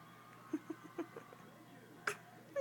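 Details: Soft, brief, repeated catching sounds in short succession, fitting an infant's hiccups; hiccups.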